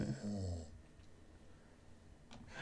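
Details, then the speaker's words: Someone grunting and snoring in the background during a live football commentary stream. "You can hear grunting and snoring here as he does."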